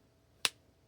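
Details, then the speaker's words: Life-size L4-L5 spinal model with a simulated synovial fold: one sharp crack as rotational force gaps the facet joint, simulating the audible release of spinal manipulation. No synovial fluid, so it has no refractory period. "Here's a spinal manipulation model crafted to help in the education of joint gapping as an audible release is elicited upon"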